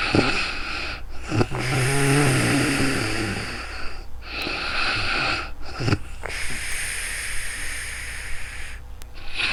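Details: Adult sleeping in real time, recorded with a new microphone: repeated rough, low breathing noises, with a fluttering sound on some breaths, over steady room hiss; snoring.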